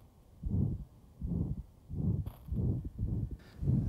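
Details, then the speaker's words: 38-year-old man with ventricular septal defect and pulmonary stenosis: low heart sounds at about 85 a minute with a rough murmur filling systole: ejection systolic murmur of pulmonary stenosis. "we can hear another malim or ejections historic Nova"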